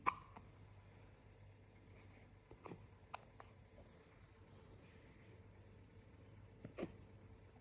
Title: Puppy and baby hiccups